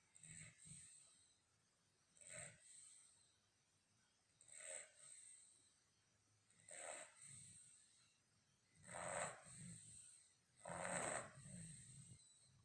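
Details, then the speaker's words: Soft, rasping snores with each breath, about six to eight breaths a minute, growing louder toward the end: snoring. "Buster, Buster, Buster. Snoring, you're snoring."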